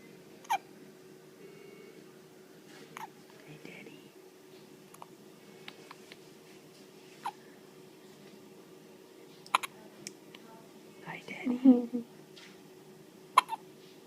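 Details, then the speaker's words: Hiccups: short, sharp hiccup sounds about every two to three seconds, about six in all, over quiet room noise and brief soft speech. "You get the hiccups, huh? Oh. See?"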